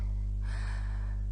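A single soft, rushing breath sound over a steady low hum. Bronchovesicular breath sounds, formerly called harsh vesicular, have an expiration that lengthens to about equal the inspiration, and are heard more often in COPD.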